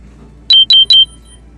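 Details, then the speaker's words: Three rapid high-pitched electronic beeps: the speaker's diabetes glucose sensor alarm going off mid-conversation, reported as shutting down, which he then struggles to turn off. "Sorry about that alarm. Damn. My sensor is going off. Shut down. For my diabetes. Fucking sensor, man, is out."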